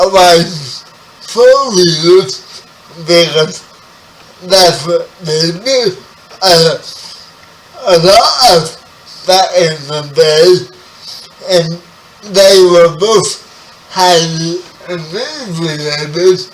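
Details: 30-year-old man with spastic quadriplegic cerebral palsy, born 11 weeks premature; spastic dysarthria (cerebral palsy).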